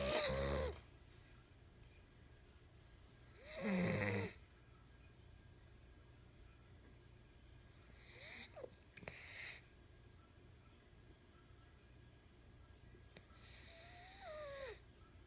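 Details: A sleeping cat with an undersized nose needing several airway-opening operations gives loud, irregular snoring snorts with squeaky whistles: brachycephalic airway obstruction snoring.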